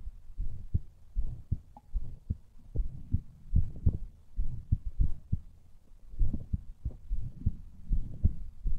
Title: MY HEARTBEAT